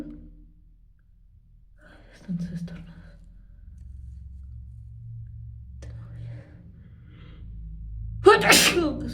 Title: Sneezing explosive 🥰